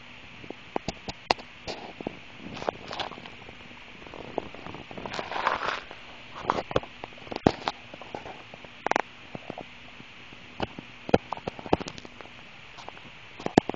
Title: Stomach noise with soda